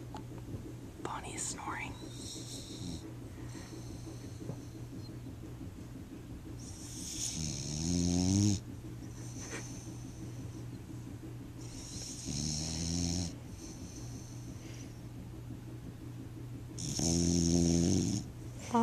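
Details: Bulldog snoring while asleep: loud, rough snores roughly every five seconds over a steady low room hum, with brief whispering early on.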